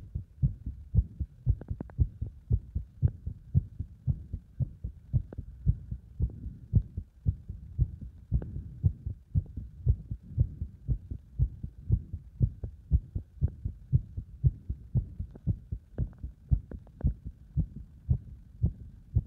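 Fast, regular, low thumping heartbeats at about 115 a minute, a quickened rate under exercise load.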